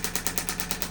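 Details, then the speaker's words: Radial shockwave therapy device treating around a joint for a chronic condition: rapid regular sharp popping pulses about nine a second, sending pressure waves into tissue to break up adhesions. "some pulsing sounds, and that is just the instrument sending sound waves into those tissues, breaking up adhesions."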